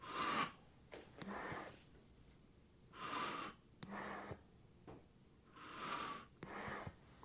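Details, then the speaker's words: Teaching demonstration of a bag valve mask with reservoir: repeated rushing airflow as the bag is squeezed, then a softer hiss as it recoils and refills, about three cycles; only the squeeze delivers the breath. "So, they'll squeeze it, but they'll go like this. As this thing's recoiling, you're not doing anything for the patient. It's just pulling air from this."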